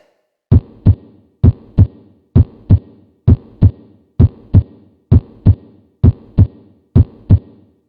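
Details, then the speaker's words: Simulated normal heart sounds, S1 'lub' and S2 'dub', regular at about 65 beats a minute. "the S1 heart sound is usually described as sounding like the word love and the S2 heart sound dub let's put the heart comes in so you can appreciate this better"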